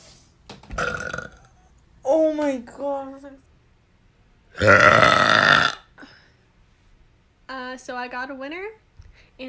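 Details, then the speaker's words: Young women burping in a TikTok compilation: several loud voiced belches of varying length, some drawn out and rising in pitch, with short gaps between them. "Also, when I want to make tiny little burps, I just... Ooh, excuse me, sorry, that was gross."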